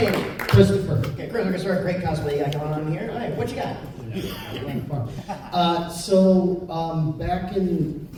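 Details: Adult men talking in a large hall; typical speech.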